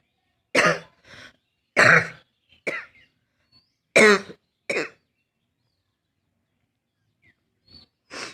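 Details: Barking cough from a female: harsh, abrupt coughs in pairs, about five bursts with pauses between.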